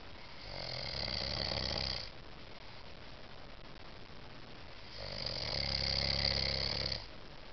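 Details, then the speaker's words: Two loud, rattling snores on the in-breath about four seconds apart, with quiet breathing between them, from an adult man sleeping in a small room: ordinary snoring. "Are you gonna wake up? Why? Because you're sucking the life out of me."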